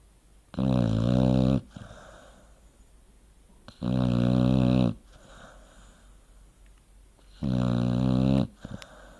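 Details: Sleeping dog: three loud, droning snores about three seconds apart with quiet breathing between; ordinary snoring.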